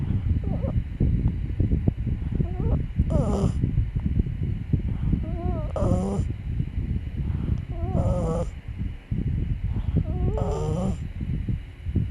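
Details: Sleeping puppy snoring: loud rumbling snores roughly every two seconds, some ending in a squeaky whistle, over steady room noise.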